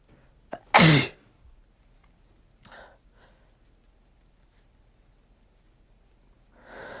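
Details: Sneezing set off by dust from two days of room cleaning, with nasal dripping, in a person who says they are not allergic and not nose-sensitive: one loud, explosive sneeze after a quick indrawn breath, then softer breaths and sniffing.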